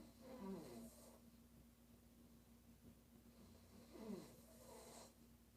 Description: Crazy Snoring noise😨 she is really crazy